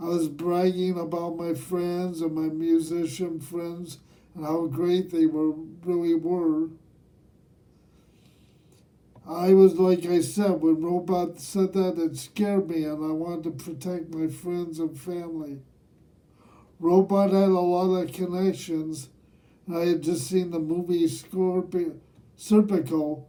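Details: Man aged nearly 67 who has lived with cerebral palsy; dysarthria (cerebral palsy).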